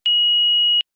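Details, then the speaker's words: Philips HeartStart FRx AED demonstration: the infant/child key is inserted and the green on/off button pressed, giving a single steady high-pitched electronic power-on beep of under a second before infant/child mode voice prompts. "to initiate infant child defibrillation insert the infant child key to start the defibrillator press the green on off button and follow the heart start frx's voice instructions"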